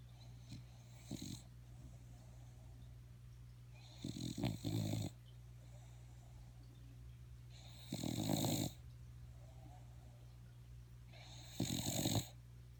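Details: Buddy snoring: rough, rattling snores with each breath, about 17 a minute, over a steady low hum.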